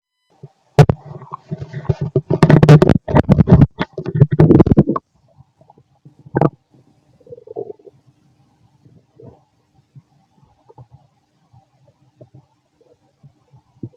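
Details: Fit male's stomach growling while digesting, very loud: gurgling, rumbling growls in bursts fading to softer intermittent gurgles; ordinary digestive bowel sounds (borborygmi).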